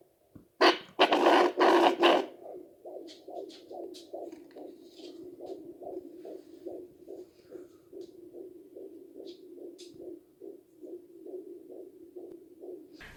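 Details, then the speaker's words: Fetal heartbeat at 18 weeks of pregnancy on a Contec Sonoline C home Doppler: rapid, regular whooshing at about 155 beats a minute after probe scraping. "i puszczę wam teraz pierwsze bicie serca naszego dzidziusia będzie cię słyszeć z takiego aparatu domowego"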